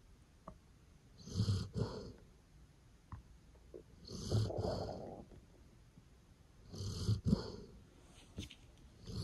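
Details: Sleeping golden retriever: slow, rough snores, about three breaths in the clip with quiet pauses between; ordinary dog snoring.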